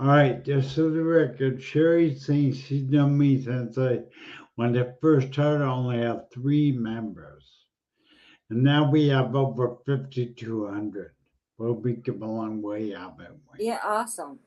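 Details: Adult speaker; conversational speech.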